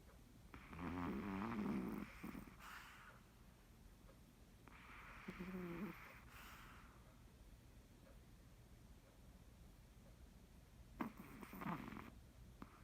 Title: 코골이 + 동공지진